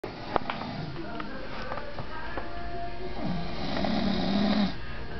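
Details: Stepfather snoring while asleep: loud, rough snoring that builds toward the end of a breath, with room noise in the background.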